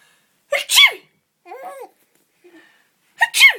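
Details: Simulated sneezes: two sharp, forced 'achoo' imitation sneezes while a 12-week-old baby giggles and coos between them.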